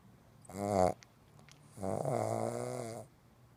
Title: Pug snoring